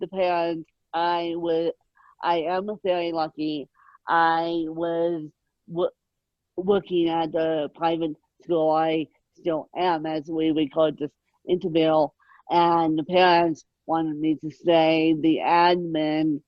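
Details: Adult woman born with moderate ataxic cerebral palsy, mid-spectrum, caused by lack of oxygen at birth, needing 24-hour care; dysarthric speech in ataxic cerebral palsy.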